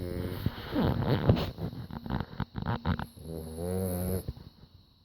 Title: Snores just like dad